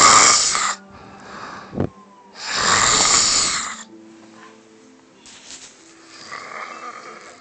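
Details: Loud, harsh rattling snores on inhalation from a sleeping woman, with quieter snorting breaths between, faint background music; snoring.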